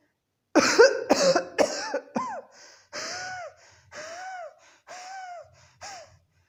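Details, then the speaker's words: A homeopathic doctor imitates three quick coughs followed by several drawn-out, whistling gasps, described as cough ending in breathlessness like an asthmatic attack; cough followed by breathlessness. "अब नेक्स्ट प्रकार की खांसी है जिसमें खांसी का एंड होता है सांस फूलने के साथ में, खांसी आएगी और उसके साथ सांस फूलेगी।"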